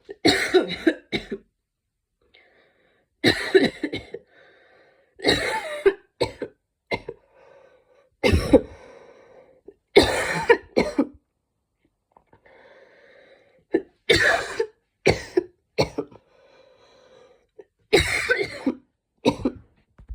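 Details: Adult's repeated bouts of harsh, barking coughs with faint noisy in-breaths, after trying breathing techniques to cough out mucus.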